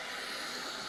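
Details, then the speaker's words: CPAP machine revving up on a new full-face mask, worn by an adult with sleep apnea, with no air leak felt. Steady, even airflow hiss. "Alright, the machine's revving up. You can hear it."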